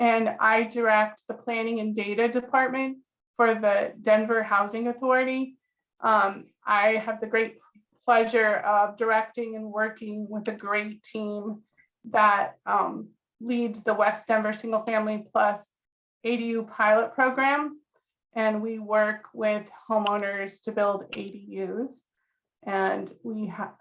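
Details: Adult woman speaking; normal voice.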